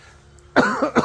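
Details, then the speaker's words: Adult man recovering from a respiratory illness, on antibiotics, gives a slight residual cough on the morning after his first good night's sleep: a cough. "так немножко кашель такой"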